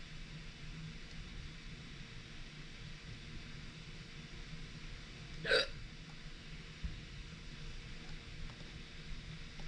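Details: A single sharp, abrupt hiccup, a sudden catch of breath cut off short, over quiet room noise; recorded hiccups continuing until they stop.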